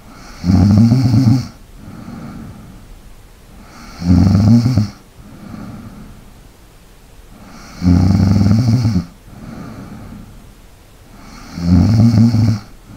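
Four loud, rattling snores on the in-breath at about 16 breaths a minute, with quieter breathing out between them.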